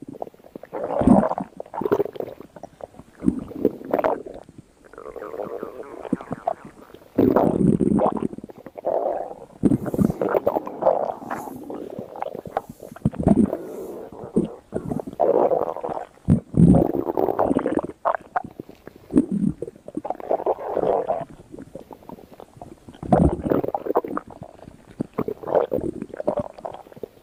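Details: Stomach growling from a thin young woman: irregular gurgling and low rumbling bowel sounds coming in bursts, ordinary borborygmi.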